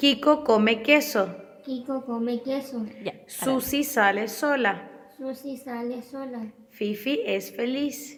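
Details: Child with cleft palate and velopharyngeal insufficiency repeating test phrases; hypernasality severe enough to affect intelligibility even of vowels. Hypernasality.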